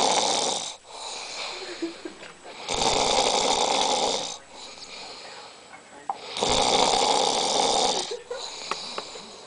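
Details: Loud, harsh, rattling snores on each inhaled breath, about 18 breaths a minute, separated by quieter exhalations; snoring.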